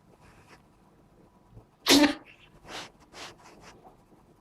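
One sharp, explosive sneeze followed by two or three softer sneezes or snorts from a cat in a quiet room.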